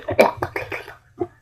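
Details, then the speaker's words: Child with "dog cough" (tos de perro), expecting recovery in about two days, gives a quick run of harsh, barking coughs, then one more; barking cough typical of croup. "Ok, voy a estar así en los videos y no se va, en vez de escucharse mi voz, se va a escuchar mi tos de perro."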